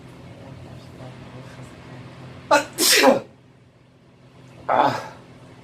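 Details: Run of sneezes from an adult male in a quiet small bathroom: two sharp, explosive bursts close together, then a third a moment later.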